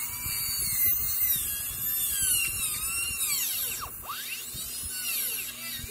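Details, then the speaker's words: Shrill, continuous whine dipping and rising in pitch of a high-speed dental handpiece with a round bur starting a practice MOD Class II prep on a mandibular left first molar (tooth 19). "So let's begin with the round burr. I like to initiate my prep with the round burr."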